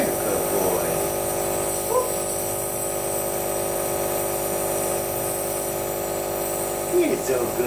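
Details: Child receiving a nebulizer treatment, holding the nebulizer himself: steady buzzing compressor motor hum with faint voices in the background.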